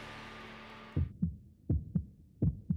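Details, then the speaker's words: Healthy heart in a radio advertisement: regular lub-dub heartbeat at about 80 beats per minute following a brief musical tone. "This is the sound of a healthy heart."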